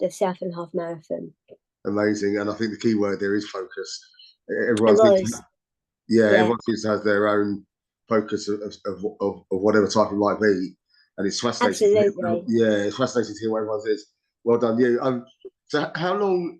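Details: Adult speaker in conversation; ordinary conversational speech.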